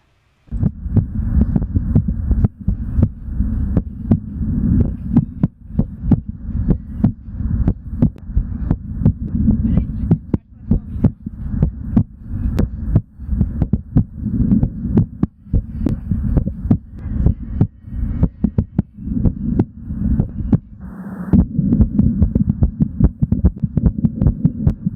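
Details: Male's normal heart sounds while exercising, recorded live: fast, regular heart thumps over a steady low hum.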